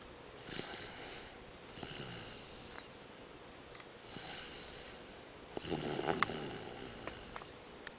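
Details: Soft, breathy snores repeating about every two seconds from a person sleeping in a car at night, faint background noise: snoring.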